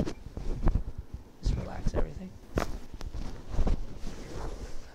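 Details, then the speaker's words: Woman with neck and TMJ pain and jaw clicking and crunching, chiropractic adjustment of the tighter right side of her jaw: a loud sharp crack amid rustling and movement noise, the jaw joint cracking during the adjustment. "that was pretty loud i don't know if people at home could hear that"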